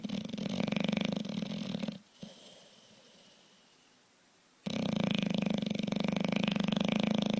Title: Beauregard the big bulldog snores